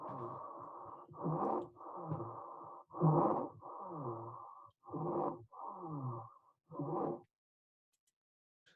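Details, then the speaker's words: Loud, harsh, musical breathing noise of steady pitch on repeated breaths from upper airway obstruction of the larynx, possibly an inhaled foreign body, mostly seen in children; stridor, a medical emergency. "possible cause inhaling pouring body and it's mostly we have in children because they like to inhale some pouring body now let's listen this Strider"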